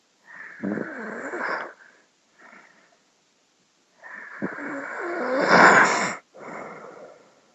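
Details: Heavy snoring: long, loud, wheezy, whistling snorts separated by pauses, one rising to a harsh peak.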